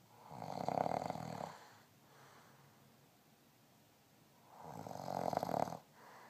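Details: Adult man snoring: two long rattling snores about four seconds apart, with a quiet exhale between them in a small room; ordinary snoring.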